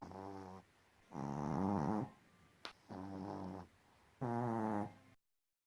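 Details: Loud, rough, buzzing snores, some voiced and throaty, about 20 a minute, from the speaker's father and chihuahua sleeping at night; snoring.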